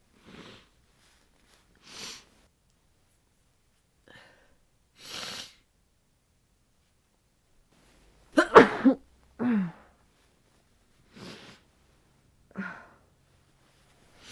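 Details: Adult bundled in bed sneezing about eight times into a duvet, sneezes muffled by bedding, with sniffs. The nose is sensitive after a cold, windy outdoor market, and they hope it is not a cold coming on; repeated sneezing.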